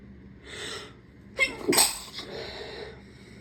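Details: Induced sneeze, provoked with a rolled-up piece of tissue: soft inhaled build-up, then a sharp explosive sneeze with a breathy tail.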